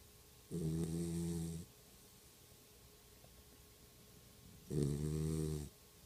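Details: Two loud, deep, rumbling snores about four seconds apart; snoring.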